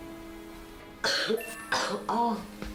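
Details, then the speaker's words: Chronic cough in asthma, attributed to allergy: four harsh, partly voiced coughs in quick succession over soft background music. "소리처럼 색색 거리는 소리가 들리게 되는 겁니다"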